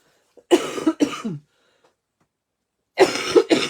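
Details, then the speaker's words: Adult with a heavy cough since Saturday evening, suspecting bronchitis: four harsh coughs in two pairs separated by a pause. "Ouais, j'ai une grosse tou franchement là ça a commencé samedi soir"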